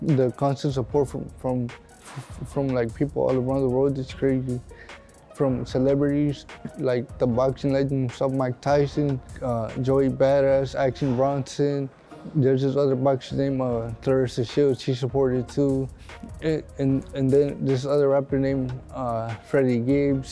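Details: Dysarthria in a young adult man with cerebral palsy, born a six-month preemie, pronounced dead and resuscitated at birth, speaking in an interview; dysarthria (cerebral palsy).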